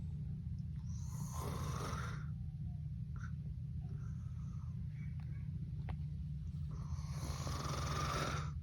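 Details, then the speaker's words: Two loud rattling snores separated by a long quiet gap over low room hum, illustrating snoring with a pause in breathing in sleep apnea; snoring with breathing pause. "often times people with sleep apnea snore and given that sleep should be silent all snoring is bad this is characterized by a pause and breathing as demonstrated in this video"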